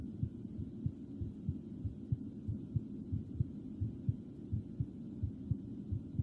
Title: [BTS ASMR] || soft whispering || heartbeat sounds || requested ✅